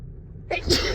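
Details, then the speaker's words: A woman with allergy sneezing while running errands, possibly sensitive to something after a recent move, gives a single sudden, explosive, wet sneeze after brief quiet, in a long run of sneezes. "oh I can't stop sneezing today oh oh wow my nose just oh it's not tickling excuse me"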